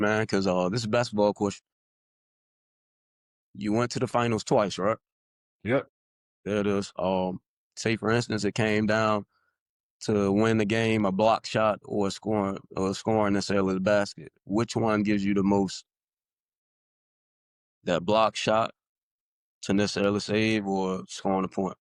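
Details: Adult podcast co-host who is a person who stutters; stuttering.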